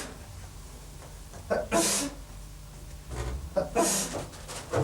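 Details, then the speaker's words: English man of about 18 or 19 who sneezed about 30 times a minute: two forceful sneezes about two seconds apart, each a sharp intake then an explosive hissing burst; repeated sneezing, reported to slow when he was in a wardrobe. "sure enough the sneezing is slowing down"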